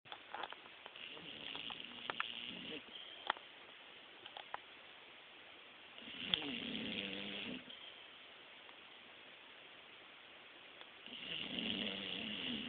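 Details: Female bulldog, newly adopted, snoring while asleep (also snores when awake): rough, rattling inhaled snores in three long bouts about every five seconds over room hiss, other dogs audible in the background; snoring.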